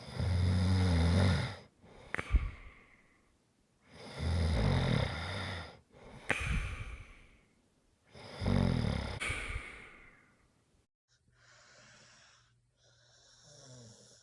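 Loud, rattling snores with each breath in, about 15 a minute, with softer breaths out and fainter snores at the end.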